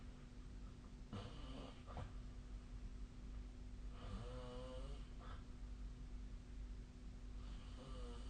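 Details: Sleep snoring recorded with the SnoreLab snore app: three rattling, vibrating snores recurring about every three seconds over a steady low room hum.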